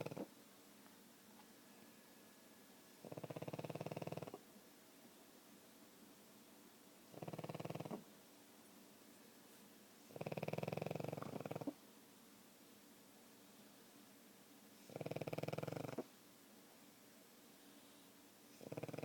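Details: Sleeping pug dog with rattling, fluttering snores about every four seconds over a steady background hiss: snoring in a short-nosed dog.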